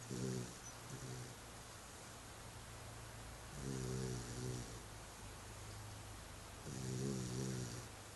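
Low, rumbling snores recur about every three seconds over steady background hiss; ordinary snoring in a sleeping puppy.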